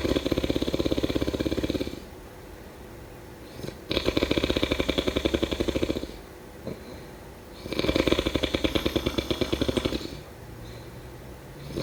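Loud, rattling snores in long bursts about every four seconds, roughly 15 breaths a minute, with quiet pauses between; ordinary snoring.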